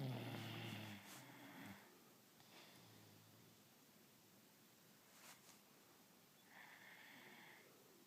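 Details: Soft snorting snores from a sleeping dog, a rough breath at the start and later, with faint breathing between; snoring.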